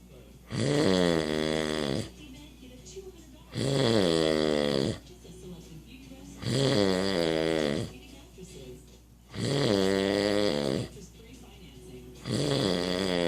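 Loud, droning snores recur at about 21 a minute, each roughly a second and a half long, with quieter breathing between. Typical snoring.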